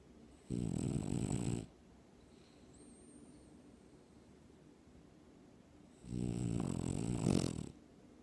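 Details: French Bulldog dreaming asleep on owner's chest, snoring loudly: deep, rattling snores sounding like a man, with quiet breathing between; normal for this dog.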